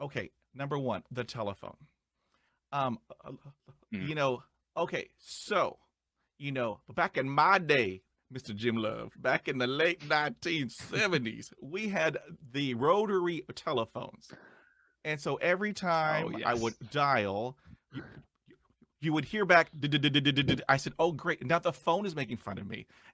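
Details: Male podcast host who describes himself as a person who stutters, with repeated interjections and part-word repetitions; he reports having blocks and repetitions; stuttering.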